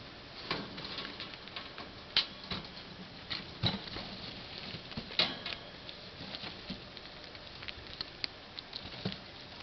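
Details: Pet rats, all sick, constantly sneezing, later found allergic to most bedding: soft rustling in bedding with about six tiny, sharp bursts over ten seconds.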